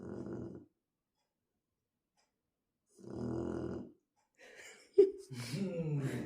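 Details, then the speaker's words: Shar-pei dog snoring while asleep: two loud, rough, rumbling snores about three seconds apart, then brief background noise and voice. "Вы слышите, как он храпит? Рэй храпит, как взрослый мужчина."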